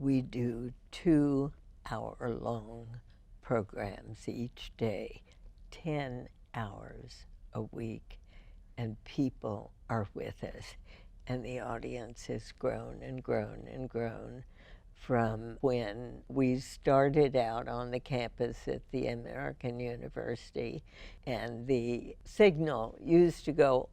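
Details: Adult female radio host first diagnosed with spasmodic dysphonia in 1998, treated every four months with botulinum toxin injections into the vocal cords; spasmodic dysphonia.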